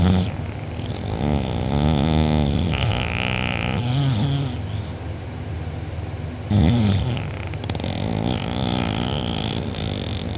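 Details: Loud open-mouth snoring from a sleeper who was out cold, drooling, with a sore uvula and soft palate afterward, recorded by a family member. Loud, rough, rattling snores with a fluttering throaty vibration through each breath.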